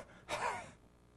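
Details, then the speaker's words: Single sharp, noisy indrawn gasp after silence, simulated on a TV demonstration to imitate the recovery breath ending an obstructive sleep apnea event after snoring and airway closure. "wow it goes from the snoring to the shutting down of the airway and that's when the chest doesn't move and there's no air getting in to the gasping and it's pretty pretty violent of events sometimes the patient goes through to get air in"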